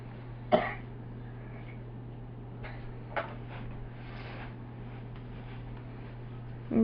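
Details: A young child having a coughing fit: a few sharp, isolated coughs at the tail end of a big fit, over a steady hum.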